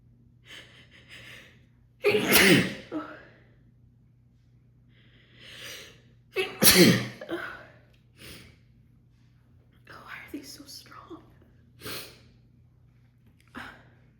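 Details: Female sneezing fit after holding back sneezes during a phone call, recorded partway through: repeated loud, forceful sneezes, each with a sharp in-breath before it, in a quiet room; harsh, uncontrollable sneezing.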